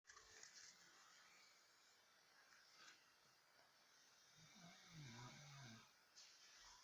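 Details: Snoring during sleep, heard as a steady background hiss followed by a low rumbling, snorting breath toward the end; the sleeper is the recorder's mother.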